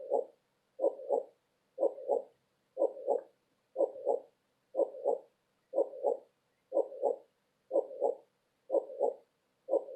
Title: Heartbeat sound with color changing cloud to fall asleep